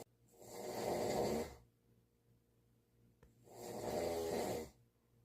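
Two long, harsh rattling snores on breathing in, separated by quiet pauses; ordinary snoring.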